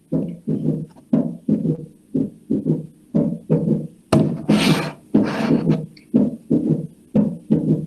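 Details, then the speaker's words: Cardiac auscultation: regular low heart sounds with an extra soft sound just before the first, a fourth heart sound (S4) from atrial contraction into a stiff, non-distensible ventricle, described as always pathological. "en el momento que se da la contracción auricular y en el momento que se da la diastasis, se produce el cuarto ruido, que siempre es patológico y que no se debería producir."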